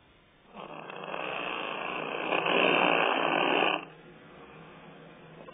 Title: Snoring sounds like a wet fart